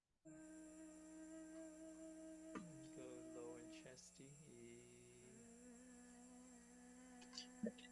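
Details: Adult woman, airline attendant, left vocal fold scar after several surgeries including open surgery and a steroid injection, before platelet-rich plasma injection; left glottic gap, low voice, limited loudness: rough, weak voice from vocal fold scar.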